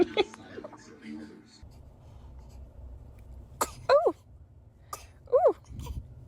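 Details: Baby sneezing: two small, sharp bursts in a quiet room, each followed by a short squeaky cry-like sound.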